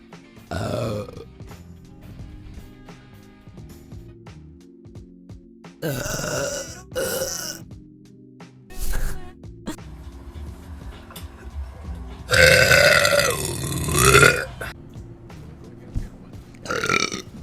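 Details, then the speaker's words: A streamer on a Twitch stream gives several loud burps over background music, one long and drawn out, after saying she just coughed and burped; belching. "I just coughed and burped sorry I was right here that was so loud"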